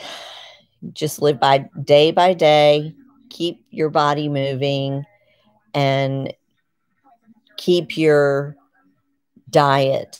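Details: Word-finding difficulty in a 51-year-old woman with Parkinson's disease and essential tremor, diagnosed 2019–2020, on medication and physical therapy; word loss returned along with stiffness and rigidity below the knees.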